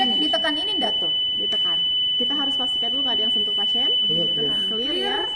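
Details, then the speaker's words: Training demo of a Zoll AED Pro switched to manual mode for a VF scenario during CPR: a steady high-pitched tone over voices as the defibrillator is fully charged and ready to shock, followed by "clear" calls. "Nah sudah selesai ini Udah ready tinggal diock itu baru e I'm clear clear"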